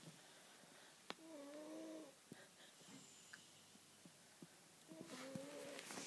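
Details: A baby snoring: quiet, whistling, tonal snores on breathing in, with soft purring noise between them in a quiet room.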